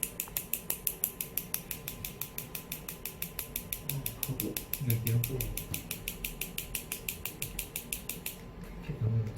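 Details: Focused (concentrated) extracorporeal shockwave therapy device treating the biceps femoris (hamstring): steady train of sharp clicks, about five per second, with faint voices and room noise.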